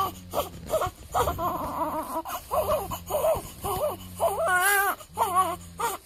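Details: A 7-day-old newborn cries in repeated short, wavering bursts with brief gasps between them, over a steady low room hum; an ordinary infant cry, recorded around a weigh-in.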